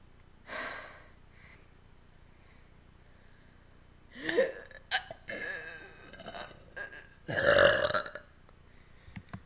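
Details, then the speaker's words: Three loud, drawn-out, throaty voluntary burps separated by quiet pauses and a breath, made as a longer burp recording on viewers' request; belching. "One of you guys asked me to do a longer burp video, so I'm gonna do it."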